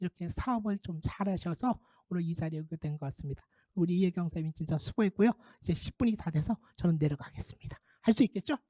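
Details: Adult speaker; Typical speech.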